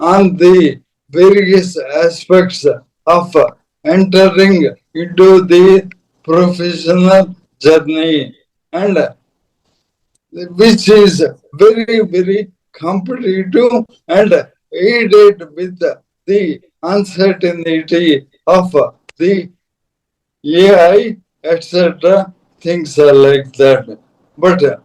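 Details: Dysarthria in an adult man: Parkinson's disease from 2022, diagnosed late, very severely affecting speech and mobility; later diagnosed with ALS / motor neuron disease.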